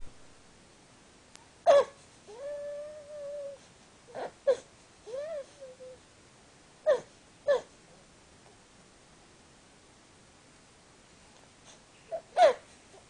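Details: Infant boy with laryngomalacia, tracheomalacia and bronchomalacia (LTBM) makes the typical stridor: short, high-pitched honking and squeaky noises with breaths.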